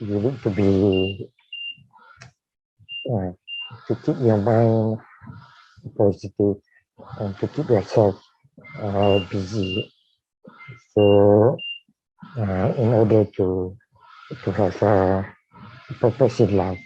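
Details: Dysarthria in a man with amyotrophic lateral sclerosis diagnosed in 2018, tracheostomised in late September of the previous year.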